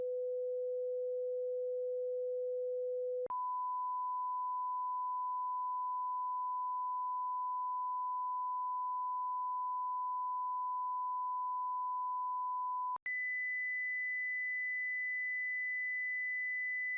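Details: Simple self-check of hearing using headphones, both ears and then one ear: steady pure tones from 50 Hz to 8000 Hz stepping up in pitch from low to higher; not a substitute for a specialist hearing exam.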